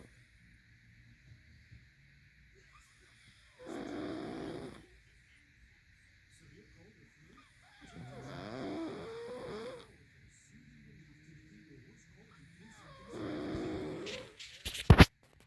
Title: 10/31/19 snoring like crazy